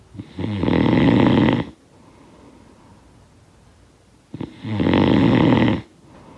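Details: Two loud, rattling inspiratory snores separated by quiet exhalation in a small room; ordinary snoring from a snoring sound-effect recording.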